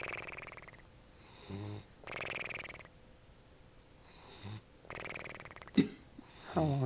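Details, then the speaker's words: Percy, gone back to bed in the morning, snoring in an unusual, unearthly way: loud, rattling, buzzy snores in slow irregular cycles with quieter snorts between; volume boosted, video and audio out of sync. "we go on this Percy this is Percy snoring this is the best snoring we've ever heard from pery sounds like poey or something it sounds like one of the three stoes"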